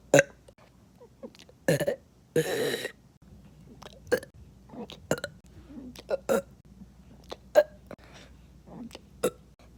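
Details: Burping for no reason: a rapid run of short throaty belches, one or two longer, about fifteen in ten seconds: repeated burping.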